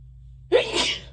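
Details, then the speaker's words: Induced sneeze with watery eyes: a brief quiet intake, then a single sharp, noisy sneeze burst. "Jeez. Sorry, it's so tickly. I can't eat my head. Gonna sneeze."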